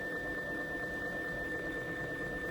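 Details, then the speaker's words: MDK Med MI27 Plus infusion pump purging air from the line via the bolus button at 1,200 mL rate until the set volume: steady high motor whine over room hum; pump motor running during line priming. "จะทำการไล่ฟองอากาศจนครบปริมาตรที่เราตั้งค่าไว้นะคะ"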